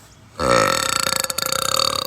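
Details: One long, loud, rumbling belch over a second and a half, from a woman who burps repeatedly, attributed to acid reflux and carbonation.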